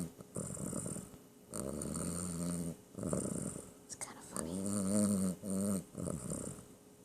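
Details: Sleeping cat in a quiet room: regular rattling snores on each breath, about five cycles, some with a buzzing vibration; snoring.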